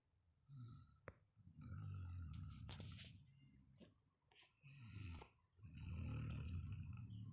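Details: Loud, rough, rattling heavy snoring with each breath, roughly 12 breaths a minute.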